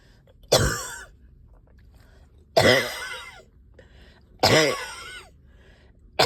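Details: Productive cough, three loose wet rattling coughs about two seconds apart, while up all night with heavy chest and headache and sticky phlegm.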